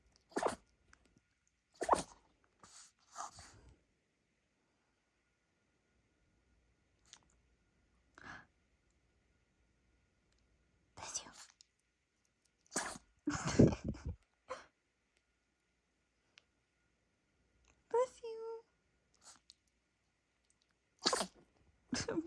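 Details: Dog with a sneezing fit, later found to have a dust particle in its nose that was removed: a series of short, sharp nasal sneezes in a small room.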